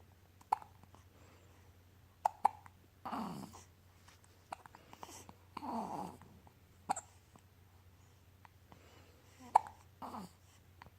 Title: Hiccup Battles